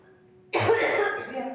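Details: Person with frequent cough during a non-medical spiritual session that blames a spirit; a sudden harsh cough with rough, throaty voicing that trails off after a quiet lead-in.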